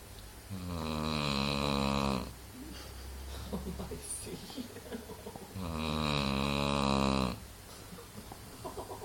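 Two loud, buzzing snores on in-breaths, a few seconds apart, with quieter breathing between them.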